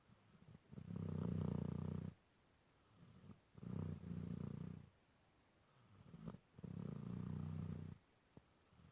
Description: Dog snores sound like purring